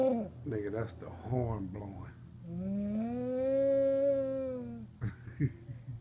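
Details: Adult woman (wife) snoring heavily while asleep after a hard day's work; brief talk, then one long, loud, droning snore with a steady tone.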